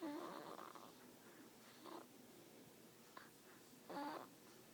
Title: snores some more